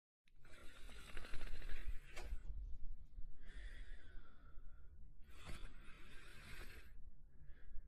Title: Slinky Dog Sleeping & Snoring Softly